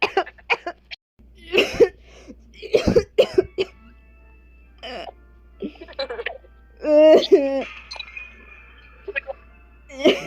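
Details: A child has a prolonged coughing fit of quick repeated bursts, with voiced, strained sounds between the coughs.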